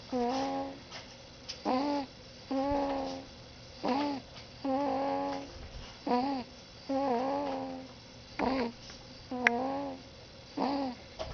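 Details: 5-week-old boy sleeping on his parent's chest, making repeated short squeaky, grunting snore noises with each breath in a quiet room: infant snoring.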